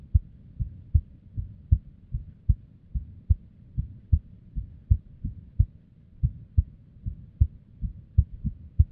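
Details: Irregular heartbeat: a woman's abnormal, unstable resting heartbeat, recorded with limited equipment. Low muffled beats around 75 a minute with uneven spacing and varying loudness, suggesting extra beats.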